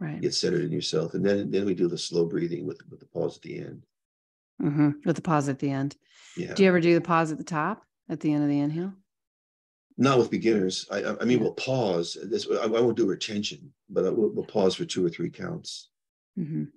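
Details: Adult man with progressing Parkinson's disease who reports stuttering a little, losing his words and impaired balance; finding: mild speech disfluency in Parkinson's disease.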